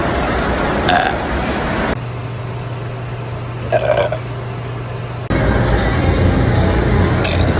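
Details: A girl burping: several short belches over steady background hum and faint music.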